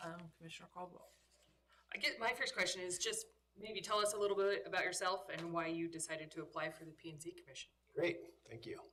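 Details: Adult speakers in a meeting room; no disorder.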